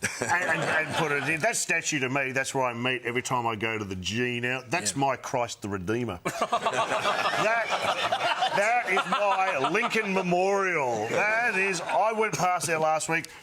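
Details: Adult man speaking, TV studio; normal speech.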